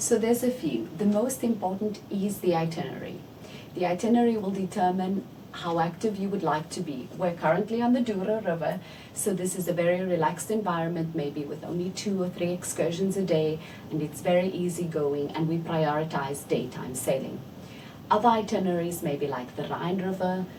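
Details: Adult woman speaking; normal speech.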